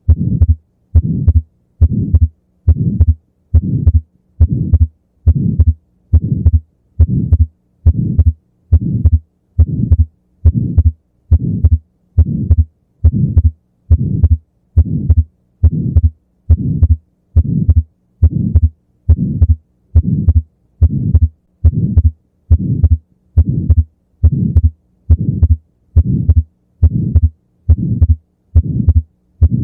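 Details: Atrial septal defect: regular heartbeat near 70 a minute with a soft ejection flow murmur and wide fixed splitting of the second heart sound (S2).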